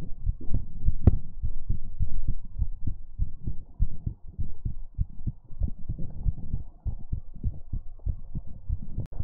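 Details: Soft, low thumping heartbeat at about 100 beats a minute, somewhat uneven in the recording, with faint background hum; ASMR heartbeat sounds.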